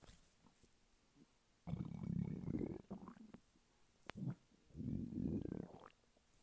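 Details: Man lying flat on his bed, hungry: two long, low gurgling rumbles with a short one between, from an empty stomach; hunger borborygmi.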